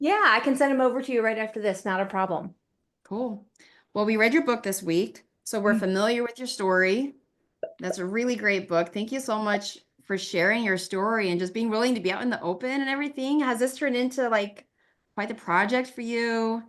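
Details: Adult woman speaking; typical speech.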